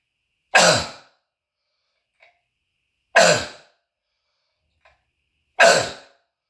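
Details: Adult with croup cough and bronchitis, throat tickle: three loud, harsh, hoarse barking single coughs, evenly spaced with quiet gaps and room echo; barking cough (croup).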